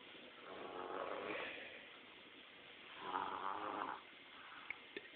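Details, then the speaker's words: Baby napping in a jumparoo, snoring really loud after being tuckered out; two soft, rough snoring breaths a couple of seconds apart; snoring. "Boy, he can snore. And he says, jumping, look at him. All tuckered out, snoring."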